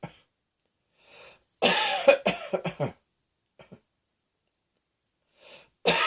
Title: Cross Dressing Coughing 47